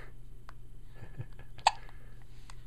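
A single sharp hiccup over a steady low electrical hum; hiccup.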